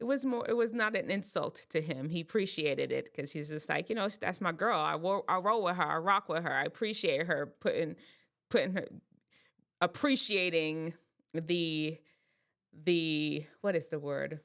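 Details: Adult woman speaking; normal speech.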